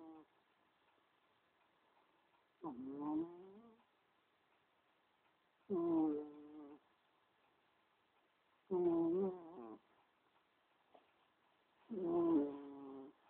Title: Cheeky cat snoring